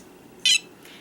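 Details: Snuza Hero baby movement monitor, shown sitting unattached with no movement, sounding its alert chirp.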